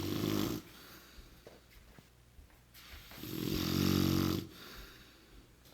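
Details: Adult brother snoring during sleep: loud, rough, vibrating snores with quiet breathing between, over steady room noise; he denies snoring, and the person recording says he needs a CPAP machine.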